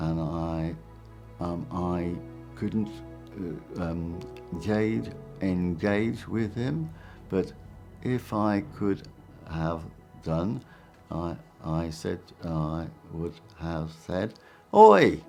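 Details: Aphasia following a stroke.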